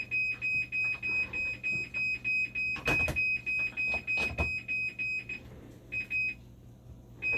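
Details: Hemodialysis machine blood leak alarm on test after recalibration: rapid repeating high-pitched alarm tones, about 200 a minute, with brief bursts of clatter.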